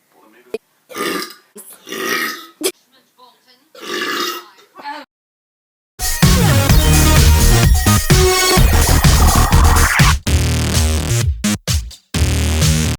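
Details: Repeated loud, voiced burps from one person in the first half, then loud electronic music takes over.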